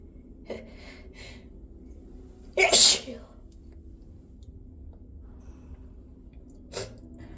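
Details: Induced sneeze: a few short hitching, catching breaths lead into one loud, forceful sneeze, followed by a smaller burst.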